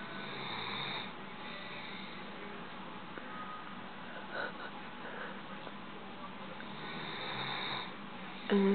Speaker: Duncan has curled up to a little Ball on his spot and He's snoring he Just opened his eyes but he didn't actually wake up